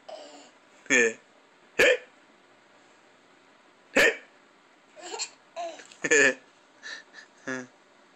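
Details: Young child hiccuping and laughing: sharp, abrupt hiccup sounds mixed with giggles and laughter; ordinary hiccups.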